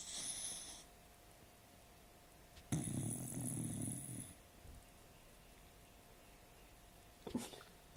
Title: Doggy snoring so funny